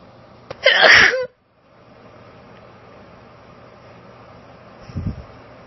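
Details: Female with allergic sneezing, recorded on a cellphone: a single loud, explosive, forceful uncovered sneeze, then quiet room noise and a soft breath or sniff near the end.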